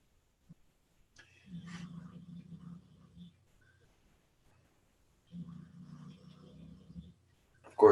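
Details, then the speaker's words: Two long, low, rattling snores about four seconds apart from a dog sleeping in the background of a quiet room: dog snoring. "you can probably hear my dog snoring there in the background, guys."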